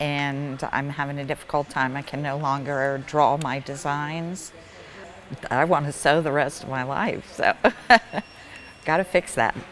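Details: Woman with essential tremor for about 20–25 years, recorded before deep brain stimulation; the tremor began very mild, now affects her head, vocal cords and eyes, and medication has reached maximum benefit; essential voice tremor.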